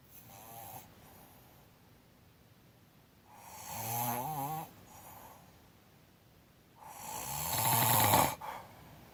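Three loud rattling snores on breathing in, with quiet pauses between, in an open-mouthed snoring pattern.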